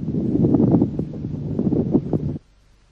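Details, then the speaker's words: Coarse, grating, creaking sounds through the stethoscope: a very rough pleural friction rub. "il s'agit ici d'un frottement moyennement rugueuse qui est surtout net à la fin de l'expiration l'auscultation est fait au niveau du poumon gauche"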